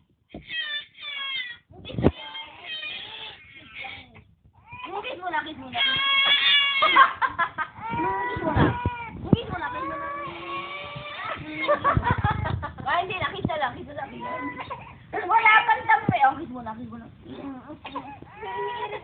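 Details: Five-month-old baby girl crying: repeated rising and falling wails with short breaths between them; ordinary infant crying.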